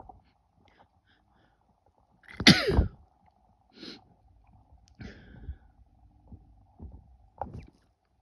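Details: Female: two sneezes, a loud explosive one then a softer one, with small breathy sounds between; sneezing.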